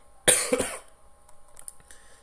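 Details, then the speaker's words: Single sharp adult cough in two quick bursts from a speaker with an itchy throat who has been coughing repeatedly, then quiet room noise with faint steady hum. "Mohon maaf saya dari tadi batuk-batuk karena Fauzan dengarkan saya sedang gatal"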